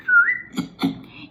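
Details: Woman with Tourette syndrome: a brief high whistle, then two short voiced bursts, a sudden involuntary vocal tic (whistling).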